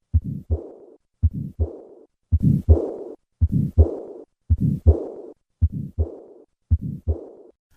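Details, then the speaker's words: A simulated heartbeat at about 55 a minute with a systolic ejection murmur and a diastolic murmur after each beat: pulmonic stenosis and pulmonic regurgitation. "Listen once again to the murmurs of pulmonic stenosis and regurgitation."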